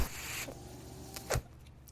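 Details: The speaker's own mechanical ventilator, heard in the background of a podcast recording; mechanical ventilator noise.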